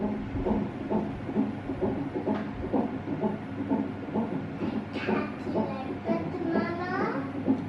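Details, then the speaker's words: Fetal heart monitoring at 39 weeks of pregnancy, baby girl: rapid whooshing beats about 130 a minute with bumps from fetal movement; normal fetal heart rate. "And this girl just jumping while Tyler is enjoying listening to her. They're listening to baby sister heartbeat."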